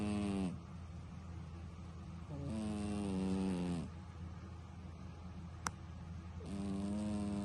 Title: MUST WATCH! My cat snoring loudly (this is funny as crap!)